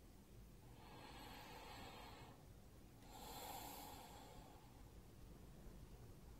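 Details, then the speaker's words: Simulated on a manikin during nursing breath-sound assessment demonstration, heard through stethoscope: soft even airflow without added sounds; normal breath sounds. "so as you listen I'll have you listen first to what normal breath sounds would sound like"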